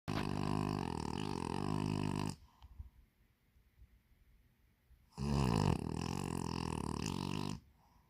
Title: When you wanted to go sleep , but you can't sleep... Kimi the snoring dog Lmao...😅